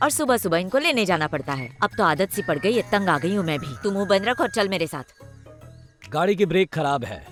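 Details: Adult speakers in a Hindi-dubbed film with background music; ordinary speech.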